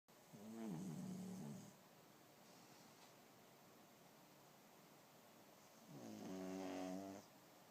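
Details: Two low, buzzing, vibrating snores about five seconds apart with quiet breathing between, from a pug dog taking a nap: snoring.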